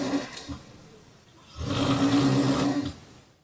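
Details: Snoring in a TV news piece on a 49-year-old man with obstructive sleep apnea and 20 years of snoring, who uses a nasal stent and a mandibular splint: one loud, rough, rattling in-breath snore lasting over a second, after a quieter breath out.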